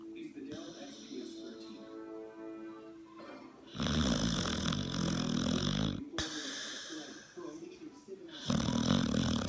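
Loud, harsh, rattling snores come in long bursts, with quieter tonal breathing and some background sound between them. Heavy snoring in a dog.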